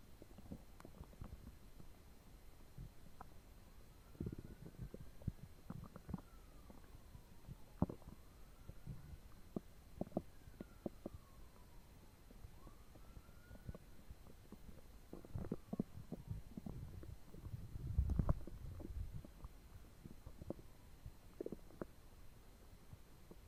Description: Hey! Today my belly is churning up 2 foot longs and a pint of coke 😏